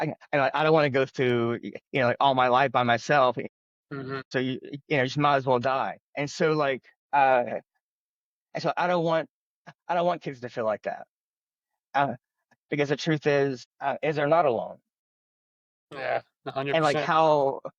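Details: Adult man who has stuttered since childhood, stuttering.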